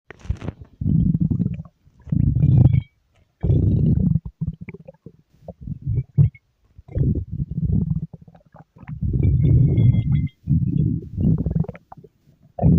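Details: Stomach growling (borborygmi): repeated low rumbling, gurgling bursts with brief pauses; ordinary bowel sounds.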